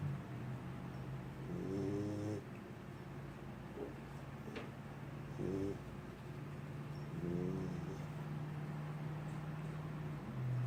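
Soft, low snoring noises repeat at irregular intervals from a sleeping puppy over a steady background hum.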